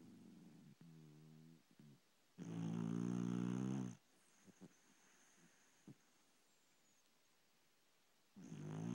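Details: A sleeping pet dog gives a few loud, fluttering, rattly snores separated by quiet breathing pauses, under a low background hiss; snoring.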